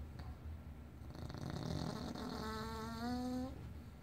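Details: Snoring: a rumbling, fluttering breath that ends in a rising, whistle-like tone.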